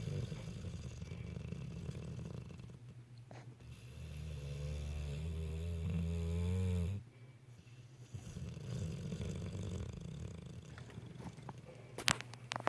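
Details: Sleeping animal keeping the owner awake at night: low, rumbling breathing with a drawn-out snoring rattle mid-clip; snoring.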